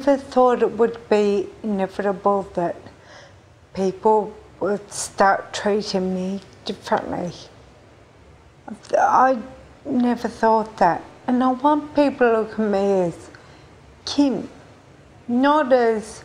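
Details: Ataxic dysarthria in a 43-year-old woman with Friedreich ataxia, a genetic nervous-system degenerative disease, diagnosed at age 20. She says she sounds drunk.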